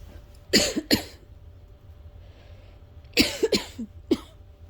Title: been having asthma coughing fits every night this week... sleep would be nice at some point 😵‍💫